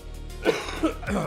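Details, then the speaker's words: A congested adult gives a short run of about three harsh, wet-sounding coughs over quiet background music and likens them to a dying old man's cough in a period film. "sound like one of those those old like when you watch a period film and there's like some old guy who has a cough and you're like, "Oh, he's going to die by the end of this movie.""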